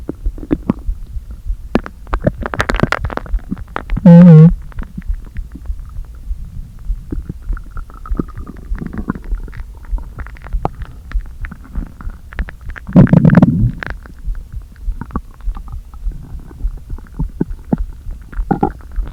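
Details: Empty stomach after not eating all day, deliberately inflated with air, gives low, hollow gurgles and groans with two louder rumbling bursts, air pushed back and forth: bowel sounds (borborygmi).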